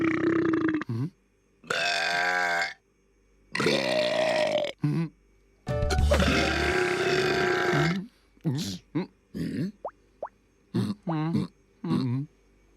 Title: original: Burping Madness